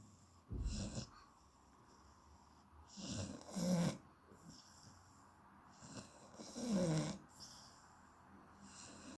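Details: 8-year-old rescue Shar Pei dog asleep and twitching, with irregular snoring breaths, snorty rattling inhalations and soft exhalations, about 19 a minute; snoring.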